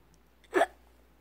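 A single short, abrupt voiced catch of breath in a quiet room, typical of a hiccup.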